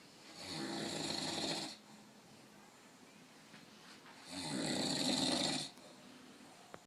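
Two long, harsh, rasping snores on breathing in, separated by quiet breathing out; ordinary loud snoring.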